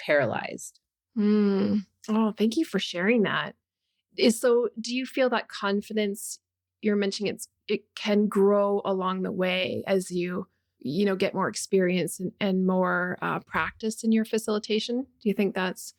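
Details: Adult woman speaking; normal speech.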